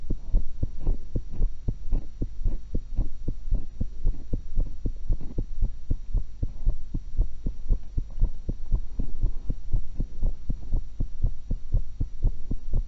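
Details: Normal heart sounds of the recorder, eating after one apple and one cucumber, through a single stethoscope: a steady, low, thumping heartbeat of about 115 beats a minute over a constant hum, with no clear extra sounds.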